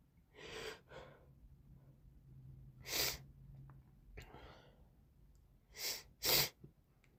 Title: Morning Sneezes & Snotty Nose Sounds~